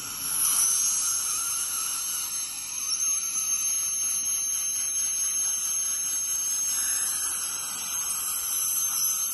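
Steady high-pitched whine with a water hiss from an ultrasonic dental scaler during deep scaling.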